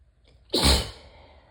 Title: Beginning of a cold sneezes